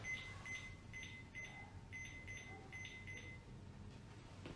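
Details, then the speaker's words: Atrial fibrillation on a cardiac monitor in an emergency setting: fast beeps with completely uneven spacing, an irregularly irregular rhythm that can be diagnosed by ear. "para que vocês Ouçam a irregularidade disso aí como eu costumo dizer o diagnóstico da fibrilação atrial é no ouvido"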